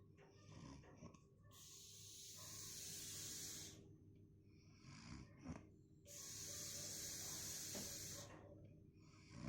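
Two long, hissing, airy breaths with low rumbling snoring and snuffles between them, about fourteen breaths a minute.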